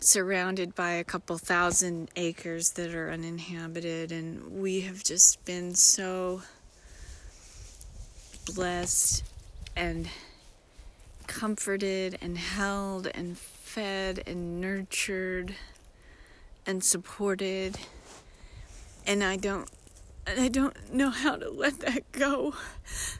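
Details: Disabled woman with self-described aphasia episodes that occur several times a day, sometimes briefly, and can sound like mocking a foreign-language speaker; self-described aphasia.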